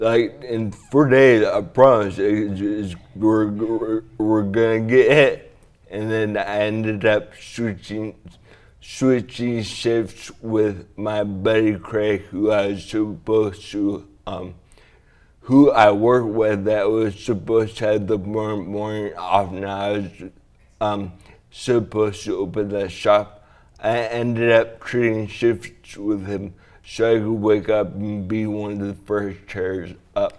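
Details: Adult man with traumatic brain injury from a 2009 snowboarding crash into a tree, with diffuse axonal shearing centred on the brainstem and cerebellum. He had a month-and-a-half coma, relearned walking, talking and swallowing, and uses a walker. Slurred speech; dysarthria.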